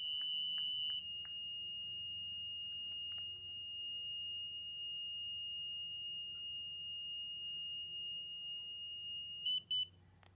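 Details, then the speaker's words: 17-year-old with type 1 diabetes for about 6 years: insulin pump pod error alarm, a continuous high-pitched tone ending in brief beeps, signalling that insulin delivery has stopped and the pod must be changed. "pod error insulant delivery stopped change pod now well guess I have to change my pod"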